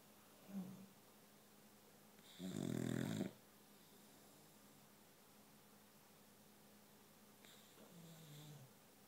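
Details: Snoring from boxer dogs asleep on couches: newly adopted boxer Ruger (one week) plus muffled gorilla-like snores from another boxer in the background; two rattling snores, one loud, one softer, after a faint sniff.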